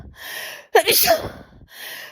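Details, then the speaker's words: Single ordinary sneeze from a person being tickled in the morning, who had warned the tickling would make them sneeze: a quick intake, then a sharp burst. "please stop tickling me I I think you you're going to make me sneeze babe babe stop tickling me oh my"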